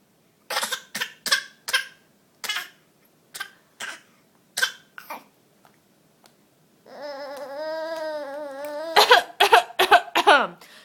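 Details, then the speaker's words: Infant deliberately copying his mother's cough: a run of short, deliberate cough-like bursts with a brief vocal sound between; voluntary (imitated) cough. "oh do you have the same cough I do you do or are you just copying mom"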